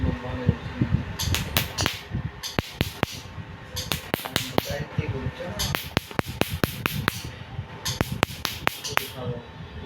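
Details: Bursts of sharp rapid snapping clicks in a quiet room: laser machine pulses removing many small moles/freckles across a man's cheeks, nose and forehead after cream.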